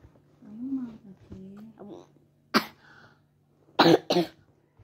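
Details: Child with a cough and cold (batuk pilek) who says they came home from hospital last night and is about to take medicine: brief vocal sounds, then three short dry coughs, two close together.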